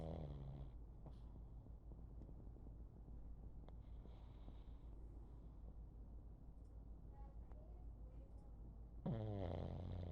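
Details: Snoring from a sleeping pug on his favorite chair, chin resting on his back leg: loud rough nasal snorts at start and end with steady low rattling breaths between.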